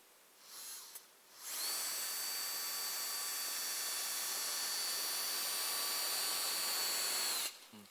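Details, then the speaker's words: Surgical power drill driving a simple wire perpendicular to the axis of the distal tibia, building an Ilizarov frame for an angular tibial shaft malunion deformity: steady high-pitched whine lasting about six seconds. "and this way I put simple wire perpendicular to the axis to the digital tibia is this"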